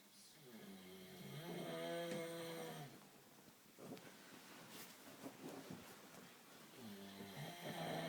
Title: Cow snore